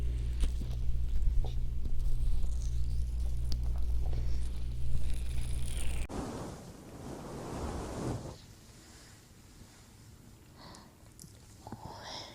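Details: Stomach growling (borborygmi): a low, continuous rumbling gurgle for about six seconds, then rustling and handling noise.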